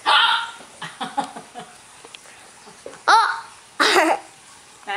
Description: I was kissing the baby, and I had really bad hiccups. They sounded so weird and loud with my mouth open!